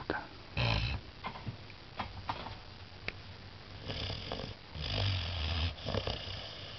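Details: 14-week-old Saint Bernard puppy asleep after a long day gives repeated low, rough snoring breaths with snuffly nasal sounds between them; snoring.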